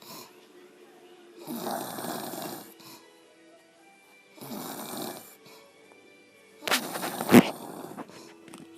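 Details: Mother recorded snoring: loud, rattling snores every few seconds ending in a sharp snort, faint background music; snoring.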